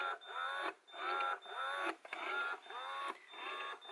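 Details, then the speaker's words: Loud, rhythmic mechanical whirring cycles, about 100 a minute, each rising then cutting off: an Ameda Purely Yours Ultra electric breast pump running with speed and suction turned all the way up. "so this is what it sounds like and I do have the speed and the suction turned all the way up so this is what it sounds like"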